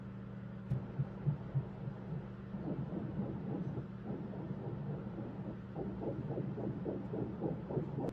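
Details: Fetal heartbeat on ultrasound at about 6 weeks 5 days of pregnancy (embryo about 1 cm, 7-week size); the heart is beating well.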